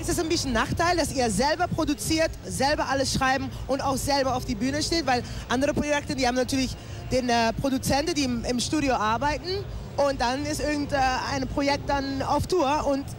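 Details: Adult interviewer; typical adult speech.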